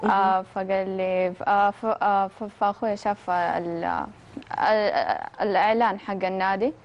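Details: Young woman who has stuttered since age 6, attributed to psychological factors such as stress at the start of school; stuttering.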